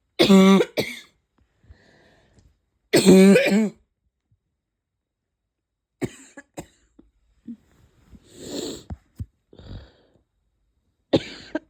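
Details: Barking cough lingering after a cold, with chest pain: two loud, harsh, voiced coughs with a deep barking tone, then quieter throat and breath noises.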